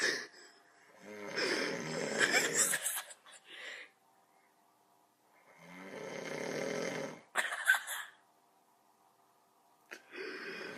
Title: My little brother recorded me snoring my head off